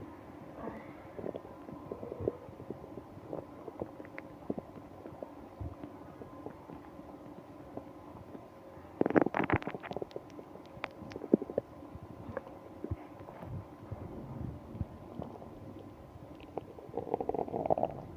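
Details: Stomach growling (borborygmi) during a stomach ache on a business trip: gurgling bowel rumbles with a louder burst midway over a steady background hum.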